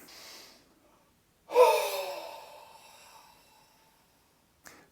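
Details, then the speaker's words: Huff cough, forced expiratory technique of active cycle of breathing, demonstrated for mucus clearance: a short breath in through the nose, then one long forceful open-mouth breath out that fades slowly. "take a full breath in through the nose and then Force the air out through your mouth to create a huffing action you can also vary the technique by taking a long breath in followed by a half Huff out or take a shorter breath in followed by a long Huff"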